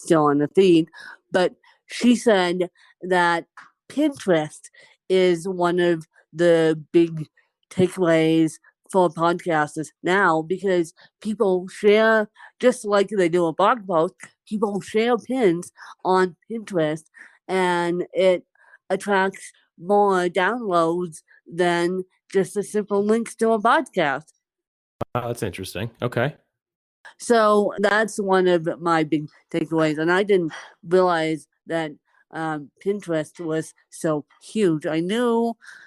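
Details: Dysarthria in an adult woman who has lived over 30 years with cerebral palsy, speaking conversationally during a podcast interview.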